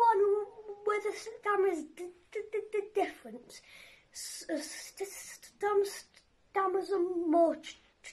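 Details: Young person who has a stammer introducing a poem he wrote about it; stammering (stuttering).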